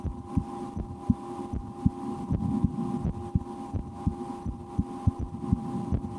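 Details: Own heartbeat recorded through a stethoscope for relaxation, at times holding breath or playing a game to raise the rate, after a restaurant lunch; soft regular beats about 80 a minute under steady hum and rustling; normal heart sounds.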